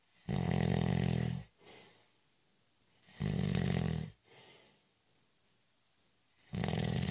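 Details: Snoring during a short, light nap: loud, buzzing snores every few seconds, each followed by a soft out-breath; ordinary snoring.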